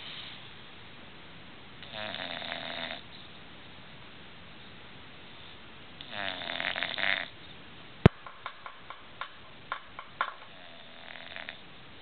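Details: English Bulldogs sleeping: two loud, rattling inspiratory snores a few seconds apart, then soft clicks and a quieter snore.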